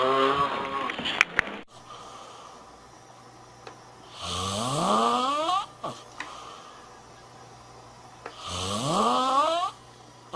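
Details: Excessive snoring: two loud, rising, rattling snores a few seconds apart over a low steady room hum, fitting ordinary heavy snoring.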